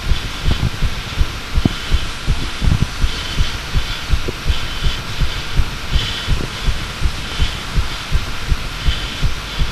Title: Second heartbeat recording